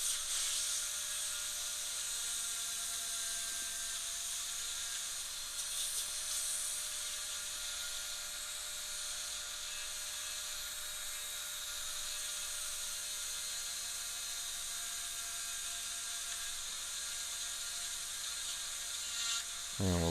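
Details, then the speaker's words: Dental drill: high-speed bur steadily whining while cutting the occlusal outline, breaking through mesially, in a long Class II MOD preparation on tooth 29, a mandibular second premolar; bench teaching demo with the tooth held by hand. "all you're doing is just pulling the burr this is a pretty long preparation"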